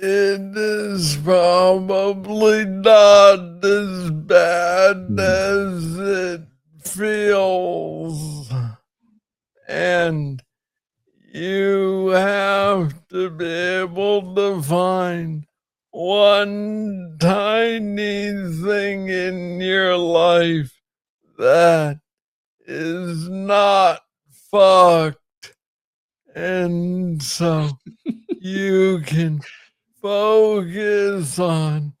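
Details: Adult man with Parkinson's disease diagnosed in 2014 at age 35, first misread as tennis elbow; Parkinsonian hypokinetic speech with slow rate and long pauses.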